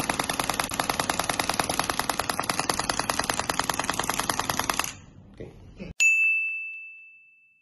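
Rapid regular clicking pulses, about 200 a minute, for five seconds, then a single ringing tone: a shockwave therapy device firing.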